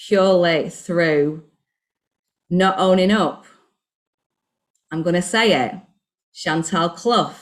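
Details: Adult woman, self-described covert stammerer, recorded before starting a stuttering programme: stuttering (covert, with pauses and circumlocution).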